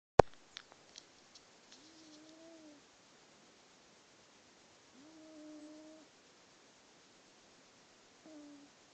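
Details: Pet cat in deep sleep snoring: three soft, hummy, whistling snores on its breaths, about twenty a minute, with a few small clicks at the start.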